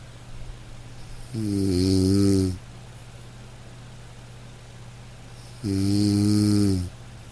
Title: Soothing??? Snoring sleep sounds!